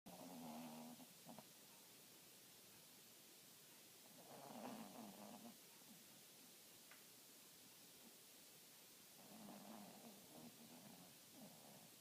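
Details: Roxy snoring while asleep: soft, low buzzing snores about every five seconds over steady hiss.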